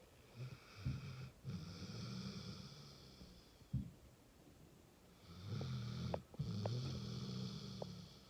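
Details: Sleeping pit bull: long, low, rumbling snores with a nasal whistling edge and a few snorts; dog snoring.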